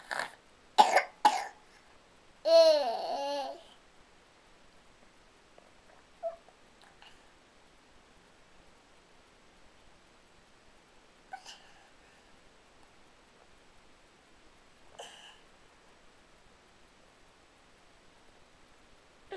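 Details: Infant with a cold, tired and sad: three short wet coughs, then a whiny cry and soft fussy sounds.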